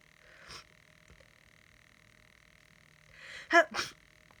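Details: Person sick with a cold: a breathy build-up, then a sharp sneeze with a second burst right after, over a steady background hum.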